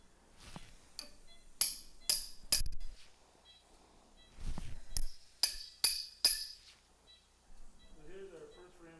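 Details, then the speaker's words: Sharp metallic instrument hammering in irregular bursts with faint voices during open right sacroiliac joint fusion surgery with instrumentation for a painful right SI joint. "and if people thought they they freaked out about my endoscopic hammering"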